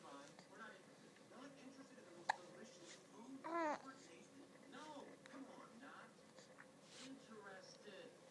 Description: Baby has the hiccups.